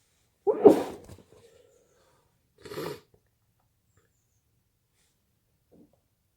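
Two forceful sneezes a couple of seconds apart, with a soft breath afterward; ordinary sneezing.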